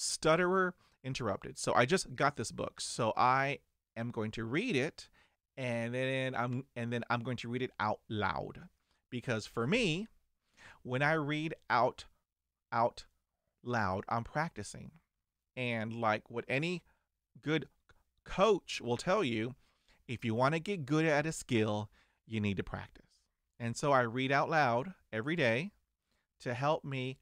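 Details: 49-year-old man who stutters and still has blocks, managing it with diaphragmatic breathing, meditation, daily reading aloud and mirror practice; stuttering.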